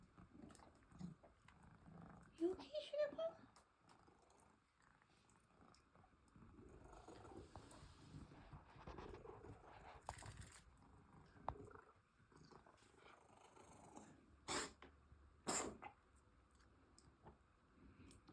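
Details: A 10-year-old cat with a persistent, sporadic cough, now occurring every other day between 9pm and midnight, has a coughing episode of a few short, harsh hacking bursts over low purring; cat cough.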